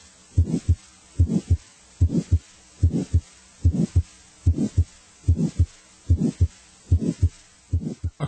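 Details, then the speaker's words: Teaching recording of a decrescendo heart murmur: a regular heartbeat about 73 a minute with a murmur that starts loud and fades away. "a crescendo murmur grows louder a de Shadow murmur grows"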